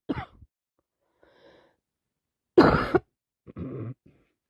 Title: Cold has got worse , non stop sneezing and blowing with coughing